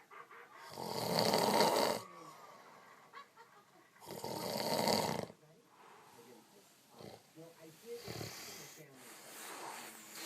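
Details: Two loud, rough, rattling snores from a man about three seconds apart, then quieter breathing noises in a still room: snoring.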